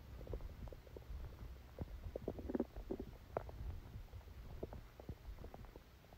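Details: Active bowel sounds: quiet irregular gurgles and rumbles from the belly over a low background hiss, recorded while sleeping with a stomachache that began after Christmas dinner.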